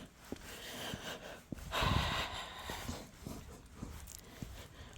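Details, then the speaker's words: Dog on a walk gives a light, harsh, snorting cough among faint clicks and rustling; the owner says he is unwell and has booked a vet visit. "вот малыш идёт впереди Света конечно нету здесь Ну вот тут переди вот он в тиночка кашляет слышите Как вот так вот лёгкий у него писалась к врачу"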